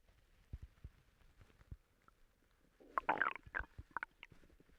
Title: Some more stomach noises sorry I have not posted in some time I’ve been sick/ ￼￼throwing up enjoy 😊